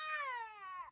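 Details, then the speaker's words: Infant simulator doll: a single loud, high-pitched, falling wail imitating a baby's cry; cries harder if care is not given within 2 minutes. "if you don't provide proper care within 2 minutes baby cries harder and a missed pair is recorded in its computer"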